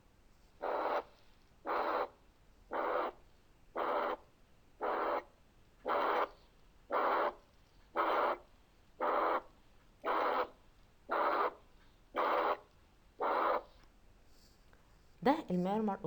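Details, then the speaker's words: Pansystolic murmur of a ventricular septal defect: regular harsh blowing murmur filling all of systole from S1 to S2, onset indistinguishable from S1, about 57 beats per minute. "اوف في اس تي لاحظنا ايه؟ ان هو واخد من اول السيستول، من اول اس 1 لحد الاس 2، يعني بان سيستوليك ميرمر، مش واخد من جزء معين."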